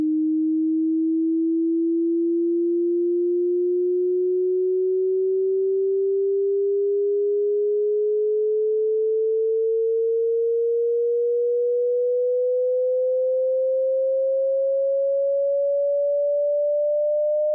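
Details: Steady pure electronic tone rising slowly in pitch at near-audible volume, a 60-second sweep from the lowest to the highest pitch the human ear can hear, for tinnitus pitch matching.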